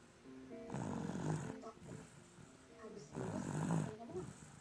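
Two long, rough, rattling breath noises in sleep, with faint music in the background; snoring.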